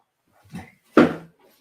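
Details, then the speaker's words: Two short, rough, snorting breath sounds from a sleeping dog: ordinary dog snoring. "all right how my dog's snoring every I don't know if you can hear that that's wild Piper"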